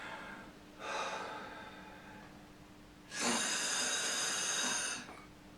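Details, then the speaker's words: A short breath, then one hard, fast inhalation through an In-Check flow meter set for a Turbuhaler, reading 60 litres per minute, just within the recommended level for the dry-powder inhaler. "you've set the machine right and you ask them to breathe and that's happening hard and as fast as they would do normally"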